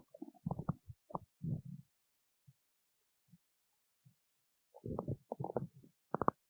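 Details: Stomach growling: irregular low gurgling and rumbling bursts with short quiet pauses between them, consistent with normal borborygmi.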